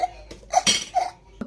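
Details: Child imitating hiccups on request: a few short, abrupt voiced catches and a brief breathy burst.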